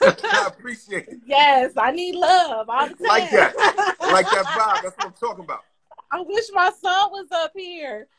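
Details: Adult woman speaking; Normal voice.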